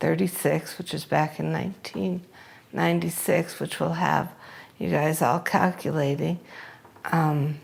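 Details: Hypokinetic dysarthria in a speaker with the disease onset around age 36, which took three years to diagnose because it was unheard of in young people; real case.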